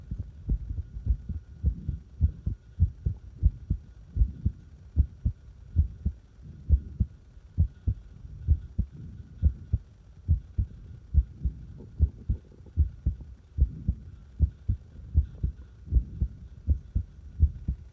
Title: Irregular heartbeat and fast heartbeat